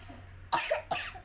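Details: Two quick, fairly loose coughs from a young girl ill for three days with flu, cough and fever, also runny nose and breathlessness.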